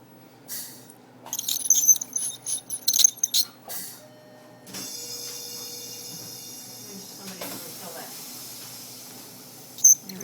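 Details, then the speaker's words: Ultrasonic scaler with water spray removing calculus from a sedated dog's teeth, tip held on its side not at 90 degrees: clinks and short bursts, then sustained high hiss with faint whine. "you don't want to ever put it at a 90 degree angle because you can damage the tooth so just kind of do it on the side it's kind of like coloring the tooth you're just coloring away"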